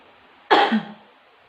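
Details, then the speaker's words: Effective cough demonstration after two rounds of slow diaphragmatic breathing, aiming to bring up sputum into a sputum pot: a single strong, forceful cough with a brief rumbling tail. "Baiklah, di sini saya akan menyontohkan bagaimana batuk efektif."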